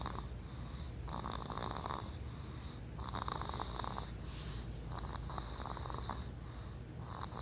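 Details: Baby snoring during sleep: soft, rough, rattling breaths repeating about every two seconds over steady background noise.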